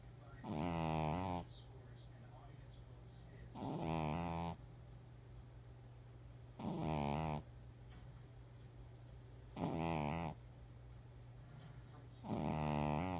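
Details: Regular loud, rattling snores about 20 a minute over steady room hum during sleep: snoring.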